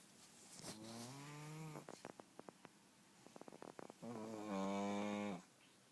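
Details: Pug snoring: two long, buzzing, voiced snore breaths from a sleeping small dog, with soft nasal snorts and clicks between them.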